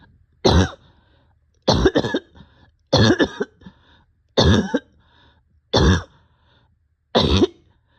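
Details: An adult who is short of breath gives six harsh, loud barking coughs at fairly even intervals, some with a quick second burst, separated by quiet pauses.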